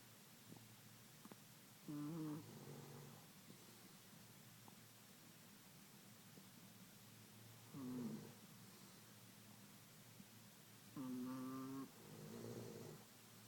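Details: Pet chihuahua and her owner snoring together in a quiet room: three separate snoring sounds, some with a whistling tonal edge on inhalation, from a small dog and a person; snoring.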